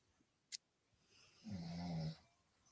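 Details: Snoring from a man who fell asleep: a single low, rumbling half-second snore with a faint click before it, heard distantly.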